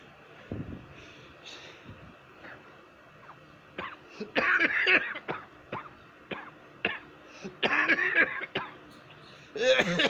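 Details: Adult woman and man coughing badly: repeated harsh coughs in bursts, with throat clearing between them.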